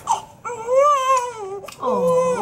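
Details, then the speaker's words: Newborn baby crying: short bursts of clear, strong, high-pitched crying with brief pauses; normal newborn cry. "I like but is that he doesn't he cries a little bit and then he calms himself"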